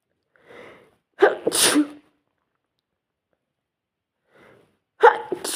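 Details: Induced sneezing: a sharp indrawn breath then an explosive sneeze, followed by a second sneeze starting; repeated sneezing.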